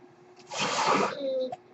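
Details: Speaker's own mechanical ventilator, heard in the background while the user talks during a podcast recording; a mechanical ventilator breath cycle.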